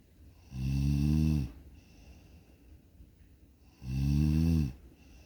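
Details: Snoring during sleep: two long, low, buzzing snores on breathing in, about three seconds apart, with quiet breathing between.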